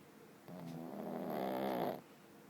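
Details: Snoring from a sleeping dog: a single drawn-out, rumbling, slightly whistling breath.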